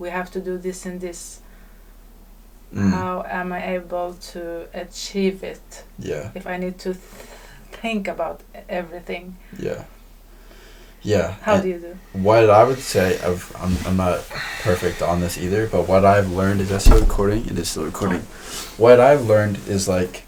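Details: Man who says he stutters: stuttering.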